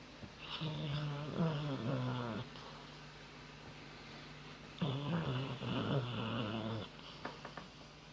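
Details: Dog snoring, later wakes up surprised: two long, low, rumbling snores with a buzzy, growl-like quality and a pause between them.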